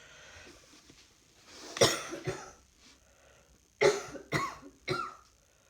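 Five short harsh coughs in two bursts, separated by quiet; a plain dry-sounding adult cough.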